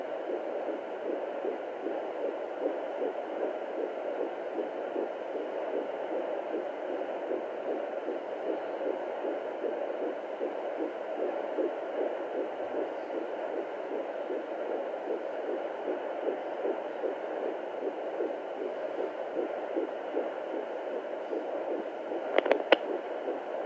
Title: What a heartbeat sounds like at 14 weeks pregnant